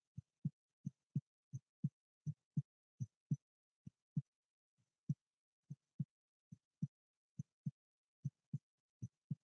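Soft, low lub-dub heart sounds in a steady rhythm at roughly 70 beats a minute.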